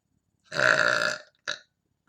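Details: One long, resonant burp lasting under a second, then a short second burp, in a quiet room.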